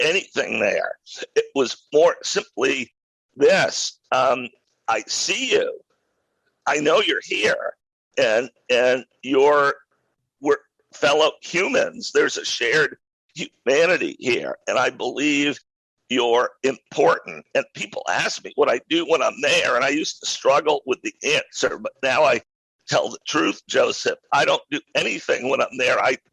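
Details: Adult male with a rare neurological voice disorder acquired in 2012 that made speaking difficult, still audible in his speech today: neurological voice disorder.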